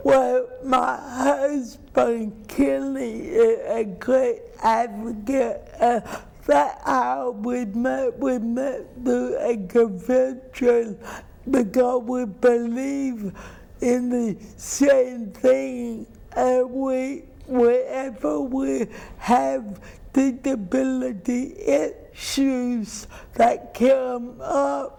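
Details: Adult woman with cerebral palsy who says people do not always understand her; dysarthria (cerebral palsy).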